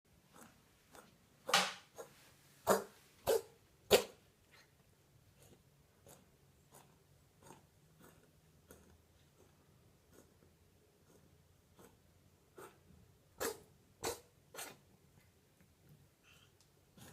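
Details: Abyssinian cat with persistent cough, coughing 3–4 minutes before recording, no improvement after amoxicillin, Synulox injections, cough syrup, Erespal and prednisolone: bursts of short, harsh hacking coughs in quick runs with quieter breaths between.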